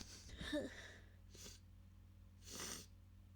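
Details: Two or three short, muffled bursts of air through the nose, each choked off quickly; stifled sneezes.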